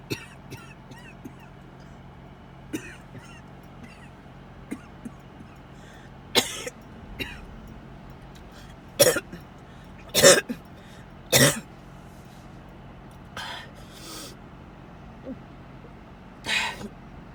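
Irregular bursts of harsh coughing and throat clearing, about seven loud coughs, over quiet road noise in a car: a coughing fit.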